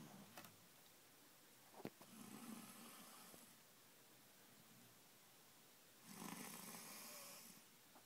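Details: Snoring during sleep: two soft, rasping, noisy breaths about four seconds apart in a quiet room.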